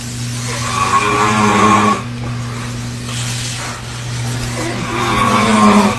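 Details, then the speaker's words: An adult man gives loud, rough, rumbling inspiratory snores with a quieter pause between them, over a low hum, keeping his baby awake; snoring. "Asimismo podemos escuchar Los Fuertes ronquidos del hombre mientras la mujer graba su hijo"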